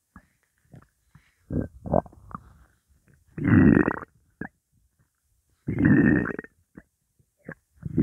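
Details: Hunger rumbling of an empty stomach holding only water: scattered gurgles and two longer, low rumbling growls from the belly.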